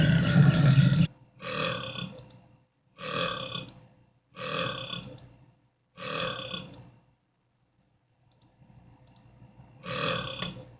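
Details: Cartoon characters (aliens, monster, crocodile and Lilo) burping: six low, gurgling belch-like bursts of about a second each, separated by silences.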